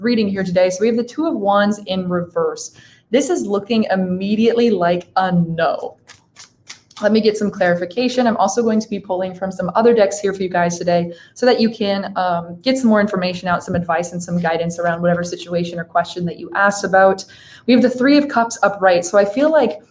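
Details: Adult speaker; Typical speech.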